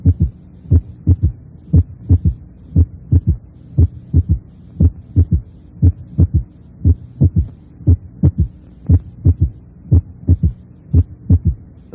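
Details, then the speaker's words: Right-sided third heart sound (S3) in a simulated heartbeat of about 60 per minute: a soft, low extra sound just after S2. Heard best along the left sternal border and usually louder with inspiration. Sometimes normal, but more often heard in right ventricular failure. "Los terceros ruidos cardíacos del lado derecho se oyen mejor a lo largo del borde izquierdo del esternón. Habitualmente aumentan con la inspiración y a veces se les oye en corazones normales, pero se les auscultan más frecuentemente en la insuficiencia del ventrículo derecho."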